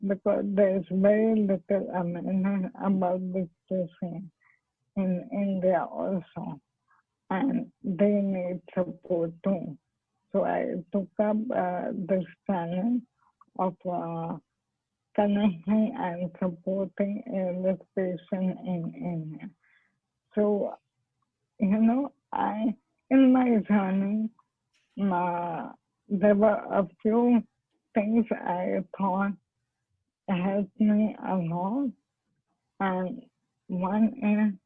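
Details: Adult woman doctor with ALS (motor neurone disease) and dysarthric speech.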